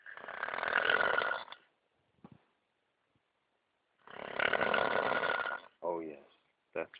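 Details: A man snoring in his sleep on a 2009 canoe trip, described as drunk snoring: two long, harsh, rattling snores with silent pauses between, then a brief voice; heavy snoring.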